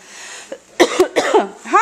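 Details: Small rescue dog diagnosed by a vet with kennel cough, on medication: a quick run of about three harsh, honking hacks in a quiet room.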